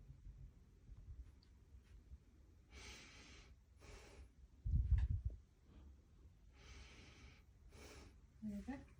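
Two slow, deep in-and-out breaths with a brief handling thump between them; quiet room. Normal breathing, lungs clear.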